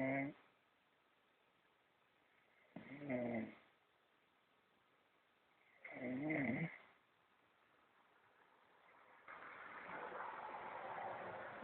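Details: Snoring from a sleeping pet in a dark room after an active afternoon: slow, rhythmic snores with a whistling, wheezy tone, a breath every few seconds, amid quiet room noise.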